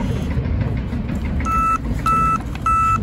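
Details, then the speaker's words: Dexcom G6 receiver alert tone, moderate setting with vibrate combination, sounding as three short even electronic beeps over outdoor road and wind noise while resting from a bicycle ride; user's glucose reading 63, described as low. "That's the moderate. It does a vibrate combination."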